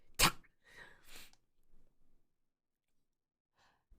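A single sharp, explosive sneeze, followed by a noisy breathy exhale and then faint quiet sounds in a small room.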